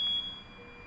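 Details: Ventilator demo with breathing circuit, flow sensor and test lung attached: a brief high electronic beep that fades quickly as the power button switches the ventilator on before the screen lights.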